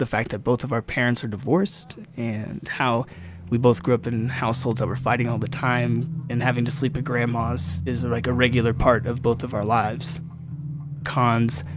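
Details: Adult male speaker; normal speech.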